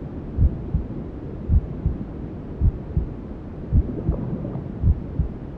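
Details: Maternal heartbeat sound with white noise, as heard in the womb, used to settle a newborn: slow, steady paired heart thumps, about 55 a minute, under a constant low whooshing noise.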